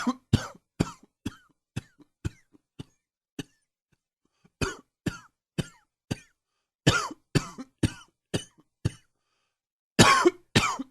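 About twenty short, sharp coughs in several bursts, separated by brief pauses; a repeated dry-sounding cough.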